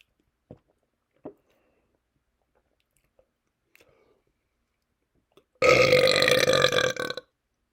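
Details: Loud burping after drinking seltzer: faint clicks and swallowing sounds, then one long, rumbling belch lasting over a second.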